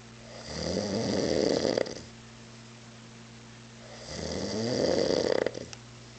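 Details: Adult man, drunk on mezcal, asleep on a couch around 3 a.m.: two loud, rough, rattling inspiratory snores separated by quiet pauses, steady low background hum; loud snoring.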